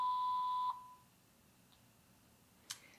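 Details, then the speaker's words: Baxter Sigma Spectrum IV infusion pump, alarm tone setting changed from short to long during a settings demonstration: a single steady electronic tone, then a faint click in a quiet room; infusion pump alarm tone. "the tone is either a short tone or a long tone, so if you want to increase your tone to the long you just toggle it up and then press"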